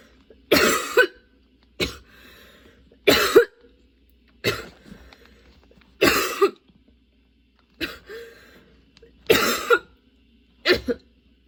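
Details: Person with a sudden, very long coughing fit that brought tears and kept worsening while they changed positions: about eight harsh cough bursts in eleven seconds, some with a throat-clearing quality.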